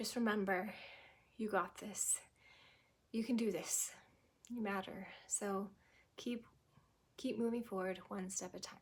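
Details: Adult woman who had a stroke at 18, about 25 years ago, and progressed from global to what she believes is anomic aphasia; fluent speech with pauses and word-finding trouble; anomic aphasia.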